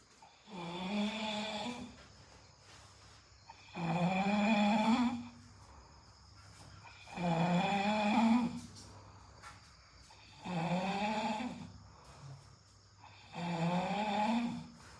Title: Snoring #friendship #drinks #trip #kodaikanal